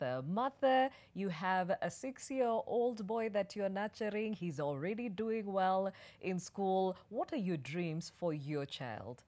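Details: Adult woman; ordinary speech.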